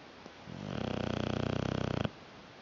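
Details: Single rapidly fluttering, buzzing snore about one and a half seconds long from Sophie, a sleeping dog; ordinary snoring.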